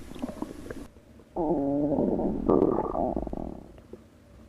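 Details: Stomach growling (borborygmi): a loud, gurgling, wavering growl rises and fades over a few seconds after a brief quiet start.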